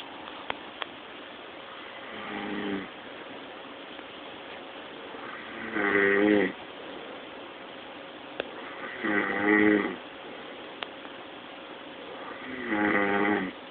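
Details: Adult man snoring very loudly during sleep: rhythmic, buzzing snores on each breath in, about 18 breaths a minute.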